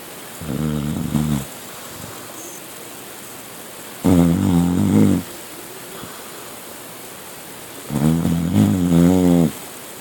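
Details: Nightly snoring of a sleeper in bed or on the couch: three loud, rough, rattling in-breath snores, each about a second long, roughly every four seconds; snoring during sleep.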